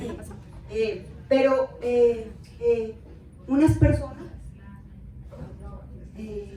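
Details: Adult woman with aphasia after a stroke; aphasia.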